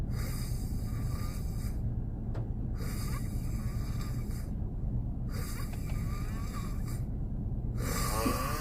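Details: Adult man (Korean boyfriend) snoring while asleep in a car on a snowy day: four regular snoring breaths in about nine seconds, roughly 25 a minute, over low engine rumble.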